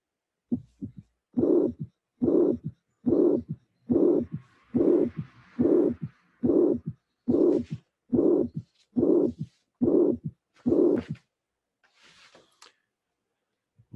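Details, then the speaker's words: Teaching recording of mitral regurgitation, regular rhythm near 71 a minute: long systolic murmur after the first sound, then the second sound and a soft low-pitched third heart sound. "so let's listen now with the eyes closed and you will appreciate the third sound i think more easily but please be concentrated"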